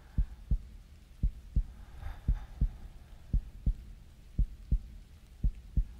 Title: Going To Bed With Your Soft Dom GF (Sleep-aid) (Heartbeat)